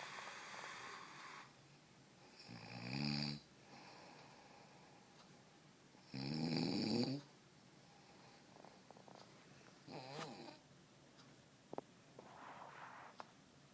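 Irregular snoring with loud, buzzing, vibrating snores on inhalation and quieter breathing between, against faint room noise.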